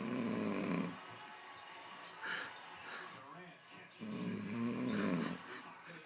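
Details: Adult man (father) snoring while asleep during the NBA Finals after a long day at work: two long, deep, rattling inspiratory snores with a quieter expiration between; loud snoring.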